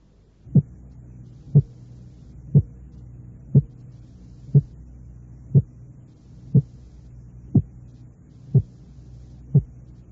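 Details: Teaching demonstration of heart sound splitting: a single heart sound contrasted with a narrow split only 0.02 s apart.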